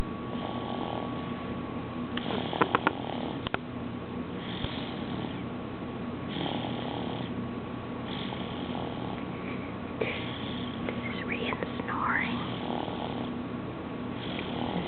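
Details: Snoring: steady, rhythmic rumbling breaths about every two seconds over room noise.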